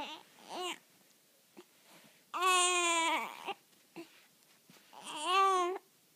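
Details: Infant girl with hiccups: short, fussy cries and babbling with brief, sharp hiccup catches between them.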